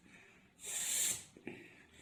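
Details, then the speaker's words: Imitated normal vesicular (alveolar) breathing: a soft, suction-like 'F' sound heard without a break through all of inspiration and the start of expiration, demonstrated during a lesson on lung auscultation. "Везикулярное дыхание слышно на протяжении всего вдоха и начала выдоха, без перерыва. Этот звук воспринимается как всасывающий, подобно произношению буквы «Ф»."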